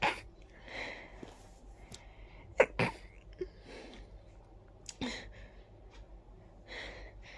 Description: My nose felt very tickly and then a fit came along...